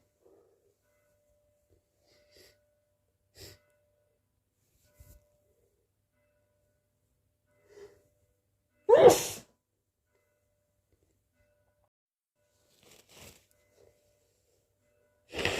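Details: Quiet breathy catches and false starts build to one loud, sharp, wet sneeze, with another starting at the end; a sneezing fit, possibly from hay fever.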